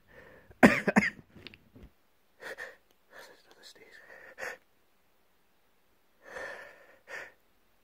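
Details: Adult with a cold: a loud sneeze followed by several smaller sneezy bursts and breaths; sneezing fit.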